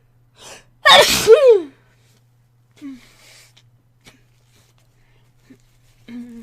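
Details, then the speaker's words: Single loud ordinary sneeze with a quick intake of breath, then quiet room sounds, from a person who said they had to sneeze and felt nasally, with tissues at hand. "Oh man, I have to sneeze. Talk about being nasally. So I got my box of tissues right here. Excuse me."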